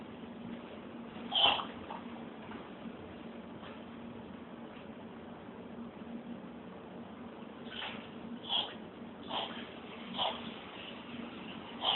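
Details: In a quiet room at night, a cat gives several short, faint hacking coughs close together; the owner notes it is the second coughing episode that night.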